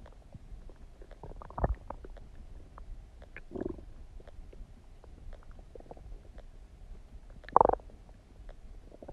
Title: Tummy Gurgling Sound | My stomach makes noises